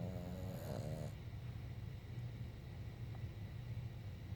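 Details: Snoring: a buzzing snore at the start, then steady low rumbling breathing over a constant background hum.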